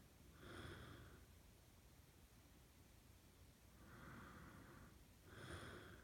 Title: boyfriend snores louder after i open his mouth